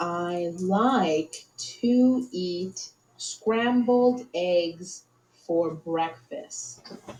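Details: Severe non-fluent (expressive) aphasia with very limited speech, recorded before speech entrainment therapy while trying to describe eggs.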